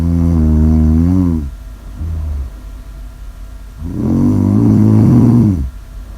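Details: Two loud, drawn-out rumbling breaths with a rough, buzzing tone, separated by quieter breathing; snoring.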